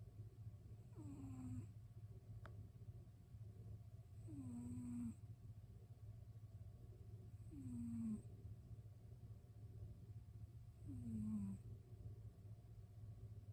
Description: a cat snoring